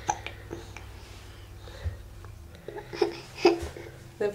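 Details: A little girl with the hiccups, watching herself in a mirror or on a screen while an adult talks to her: repeated small hiccups.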